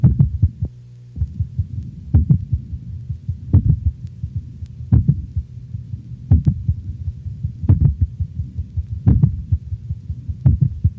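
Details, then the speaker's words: Dog, over the mitral valve area: two independent rhythms, louder slower ventricular beats with fainter, faster, lower-frequency atrial sounds between them; complete (third-degree) heart block. "two independent rhythms occur a louder but slower ventricular rate predominates while a faster but lower frequency atrial rhythm is heard over the mitral valve area"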